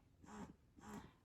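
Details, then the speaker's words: Paruu P10 hands-free wearable electric breast pump being worn by a mother, running normally: two soft, muffled rhythmic whooshing suction cycles, quiet and discreet. "Okay, I am actually wearing one of the pumps right now, so with me talking, you're probably not gonna be able to hear it. I'll be quiet for just a second."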